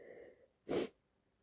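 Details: Female lying in bed feeling unwell, possibly getting a cold, sneezing: a soft intake of breath, then one sharp explosive burst of air, a single sneeze.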